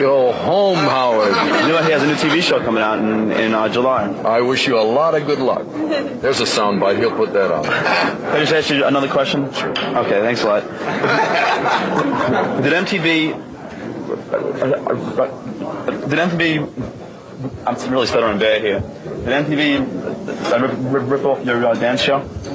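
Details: Adult man born in 1965 whose stutter began in second grade, which he attributes to psychological mistreatment by his father; stuttering.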